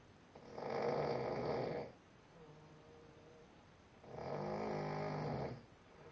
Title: DDB Snoring